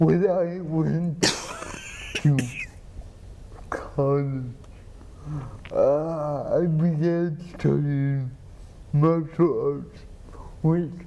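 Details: Adult man with cerebral palsy, treated with an implanted pump injecting medicine into the spine to reduce spasticity; speech hard to understand, with the host partly translating; dysarthria.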